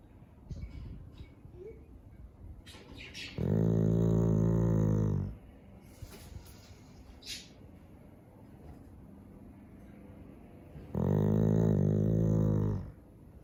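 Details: Two long, loud, rumbling snores with a buzzing low tone, separated by quiet breathing, from a Chow Chow dog; snoring.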